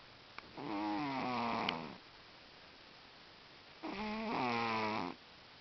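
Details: Sleeping cat snoring: two long, loud, rattling snores, each over a second, with quiet pauses between breaths; snoring said to get even louder than this.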